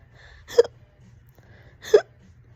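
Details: Fast, loud hiccups, on and off all day, this bout about 30 minutes: two sudden, loud gulping hiccups about a second and a half apart.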